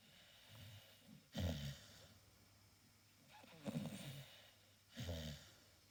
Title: Staffy snoring, cute and relaxing